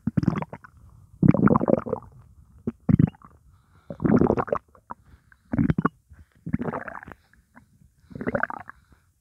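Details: Hunger stomach growling (borborygmi), stomach holding only water: repeated low gurgling and rumbling bursts, about seven in nine seconds.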